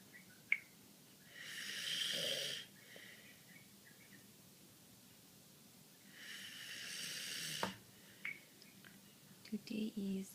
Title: July 26 2013 Papa is snoring